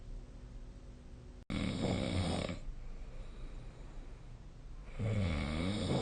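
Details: Adult snoring during sleep: two loud, rattling, low-pitched breaths on inhalation separated by a quieter exhale.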